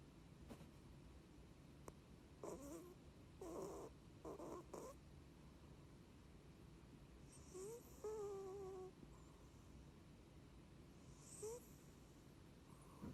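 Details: Sleeping cat that has snored since she was a kitten: rough, loud snoring breaths, some with a high whistling squeak, in a quiet room.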